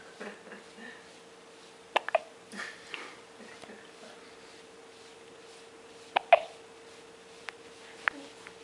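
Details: Hiccups from an infant in the first month of life: several abrupt, sharp hiccups at irregular intervals in a quiet room with a steady hum.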